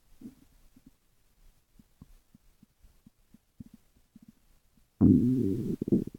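Faint soft gurgles and pops, then a loud low bubbling rumble near the end; stomach growling from gas and fluid moving through the gut.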